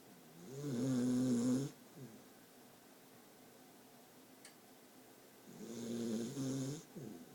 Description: My new dog Bailey snoring in my arms - turn up volume